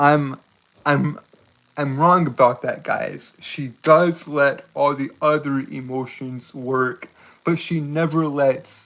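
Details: Stuttering in a male streamer who describes having a speech impediment, tripping over his words.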